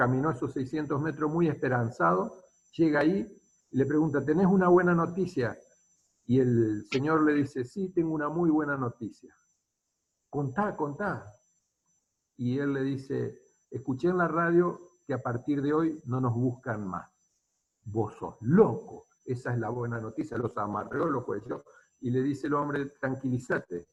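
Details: Adult male speaker; ordinary speech.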